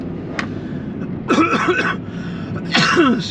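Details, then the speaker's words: Adult man with a lingering cough while driving: two harsh throat-clearing coughs over steady car noise. "God, I sound like I've got a 40-a-day habit. It's blooming cough."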